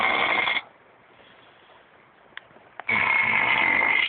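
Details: Snoring: two loud, harsh, rattling breaths with a pause between them.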